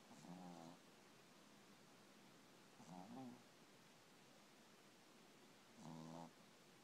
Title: Heisman Snoring